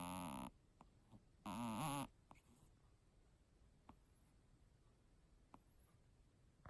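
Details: Two brief rattly, wet snoring breaths from a small kitten with a snot bubble, faint clicks between them; congested snoring.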